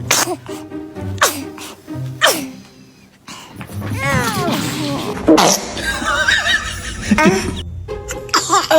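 A run of small, quick sneezes over background music and laughter; ordinary infant sneezing.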